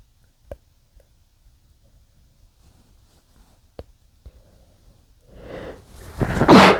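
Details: Quiet small clicks and breaths building to a muffled, stifled sneeze at the end; sneeze.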